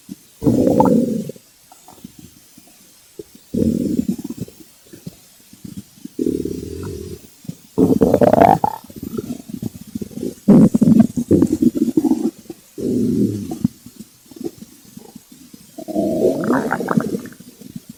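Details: Loud, drawn-out growls and gurgles recurring every few seconds: hunger stomach growling (borborygmi), recorded as ASMR.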